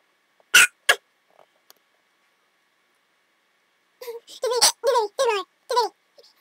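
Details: A girl with hiccups: two abrupt, sharp bursts close together, followed by a run of short squeaky voiced sounds; hiccups.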